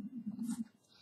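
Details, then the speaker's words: Adult's stomach growling from hunger at breakfast time while making a paracord bracelet: a low, gurgling rumble wavering for about half a second, then fading into quiet room noise. "I'm I apologize if y'all could hear that that was my stomach growling it's breakfast time here"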